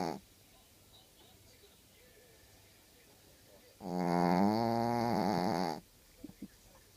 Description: Matcho snore so much & really in first time my dog Matcho snore I can't sleep,but the time past with out Matcho snore I can't sleep 😄